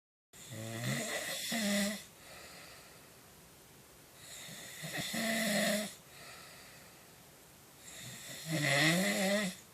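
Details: Adult man snoring while asleep, his roommate reports nightly for over three months: three loud, rough, buzzing snores on the in-breath with quiet out-breaths, about 16 breaths a minute.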